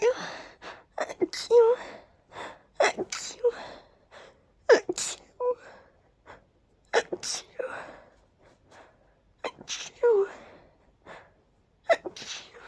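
Repeated sharp sneezes with voiced "achoo" sounds and quick inhaled gasps between them, in a quiet room.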